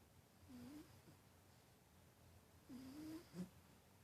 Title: Snoring Cat